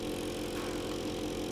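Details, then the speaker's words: Steady motor hum with a slurping rush as a newborn suction pump draws up water through its catheter, with the connector hole closed, to test the machine before suctioning a baby. "you can test the Machine by sucking up a bit of water you need to close the hole on the connector to suck"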